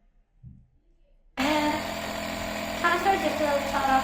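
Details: Nebulizer compressor machine switched on and running with a steady mechanical hum and buzz. The nebulizer chamber holds 2 ml normal saline plus a medicine dose, and a face mask covers the child's nose and mouth.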